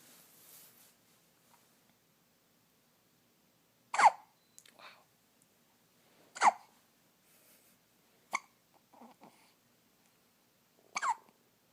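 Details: An infant's first hiccups: sharp, brief gulping hiccup sounds at irregular intervals in a quiet room, one noted as loud.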